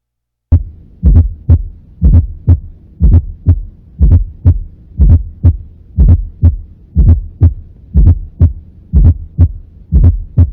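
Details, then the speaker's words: Fourth heart sound (S4) in a valvular disease lecture: regular heart sounds at about 60 a minute, each with an extra low late-diastolic sound just before S1, attributed to atrial contraction; S2 intact and of normal intensity. "ese es el cuarto ruido normalmente se produce por consecuencia de una de 1 de un choque o de un como consecuencia de la contracción auricular"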